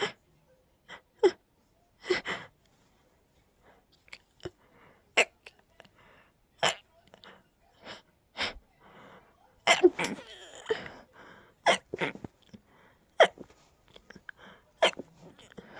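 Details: Very tickly sneezes held back, ending in a stifled sneezing fit: a rapid run of a dozen or more clipped sneezes with short catching breaths between them.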